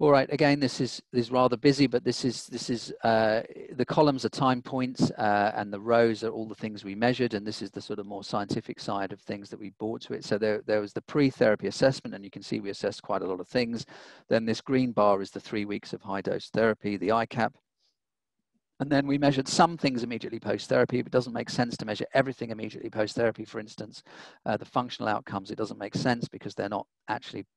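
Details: Adult male lecturer; normal speech.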